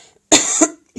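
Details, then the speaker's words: An adult woman with a cold and cough gives a single sharp, loose-sounding cough in a quiet room. "excuse my voice um I have a cold and cough"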